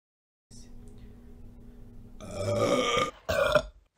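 A long, rough, low burp followed by a shorter second burp; ordinary belching.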